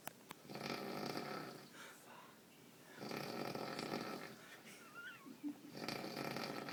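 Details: Someone snoring in Tallinn: breathy, rasping snores on each breath cycle, about three in the clip, against faint room noise.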